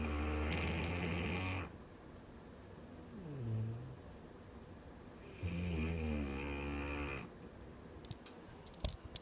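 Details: Ginger, a dog, snoring while asleep: two long, rumbling, rattling snores with a quieter snorting breath between them, in a quiet room.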